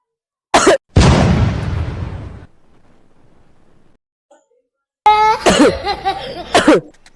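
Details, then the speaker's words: Acted cough from a boy in a comedy skit: a short burst, then a long harsh cough, followed by voices. "चल बे तू नहीं खेलेगा। तुझे खांसी आ रही है।"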